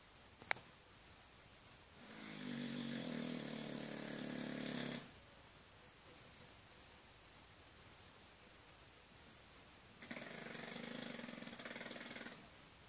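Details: A Dorset bulldog snores in sleep: two long, buzzing, fluttering snores several seconds apart, with quiet pauses between.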